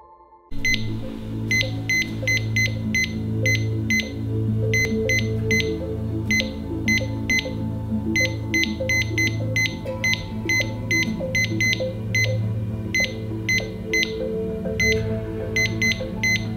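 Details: Cardiac monitor alarm for ventricular fibrillation, likely simulated: repeated high beeping alarm tones over a steady hum.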